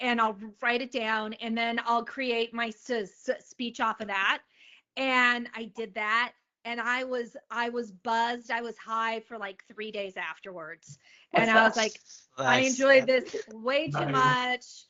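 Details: Stuttering in an adult woman, onset at age eight, the same year dyslexia was diagnosed; speech therapy since age two for an auditory processing issue.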